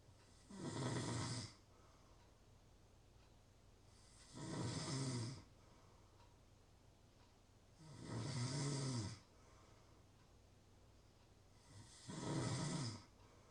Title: Natural Snoring Sounds- Real Snoring, Ambient Sounds.